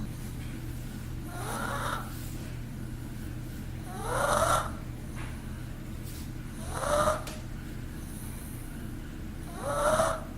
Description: Haha pug was snoring